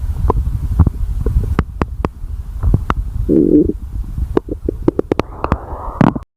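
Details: Stomach growling: low gurgling rumbles with short clicks and squeaks from the belly as gas and fluid move through the gut.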